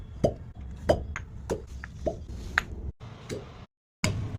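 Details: Irregular sharp popping thuds, about one every half second, from a shockwave therapy applicator delivering pulses during real treatment for chronic pain such as groin, sciatica, lower back, cervical or muscular pain.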